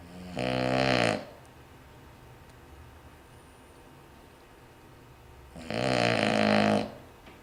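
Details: Dog snoring: two rattling, rough snores about five seconds apart, each about a second long, with quiet breathing between; snoring.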